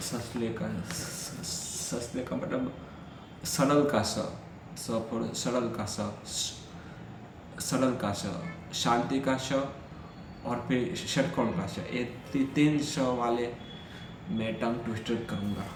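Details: Stammering in an adult man during Hindi storytelling practice on day 7 of a daily stammering practice routine that includes breathing exercises.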